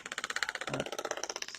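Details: Rapid, regular sharp tapping pulses, about fifteen a second, from a shockwave therapy device at its lowest setting during a live demonstration on a person, who reports severe pain when the applicator is over bone.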